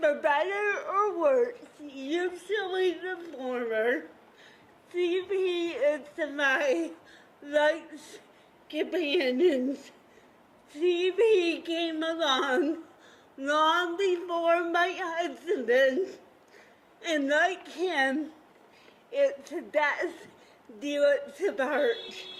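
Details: Dysarthria from cerebral palsy in an adult woman, a counselor, who describes her speech as having a "CP accent"; real, not acted.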